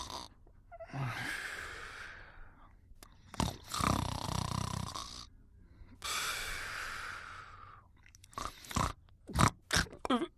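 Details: Snoring during sleep in a 1988 recording: slow, rough, rasping breaths, each drawn out over a second or two, with snorts and smacking sounds between.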